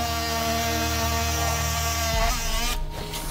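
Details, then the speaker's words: Sternal saw cutting the breastbone during open-heart surgery to reach the heart: a steady high motor whine that shifts pitch as it bites. "Le cœur se trouve sous le sternum. Absolument. Donc il va falloir couper le sternum. Voilà. Donc là on va scier le sternum."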